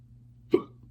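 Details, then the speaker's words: Person hiccuping while talking and trying to carry on: a single abrupt voiced gulp over a steady low hum; hiccups. "okay I have the hiccups though so we're going to just pretend we don't have the hiccups"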